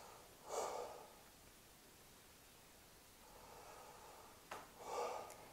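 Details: Soft airy breath sounds heard by stethoscope over the upper chest at the second intercostal space (upper lobes) during a nursing chest assessment, with the person taking deep breaths; clean inhalations, quieter exhalations: normal breath sounds.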